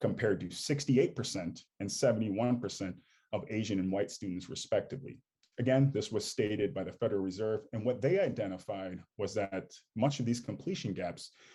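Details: Adult man speaking; normal speech.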